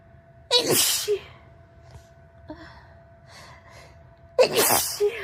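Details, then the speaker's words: Sniffly in bed in the morning, nose tickling for a long time without a sneeze: two forceful sneezes about four seconds apart with soft sniffing between, then nose blowing. "It tickles so badly that it won't let me sneeze. It's just keeping me right on the edge."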